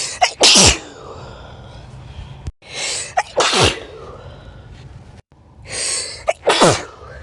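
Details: Three loud sneezes, each a sharp indrawn breath then a forceful burst, about every two and a half seconds; part of a series of 20 sneezes recorded on different days.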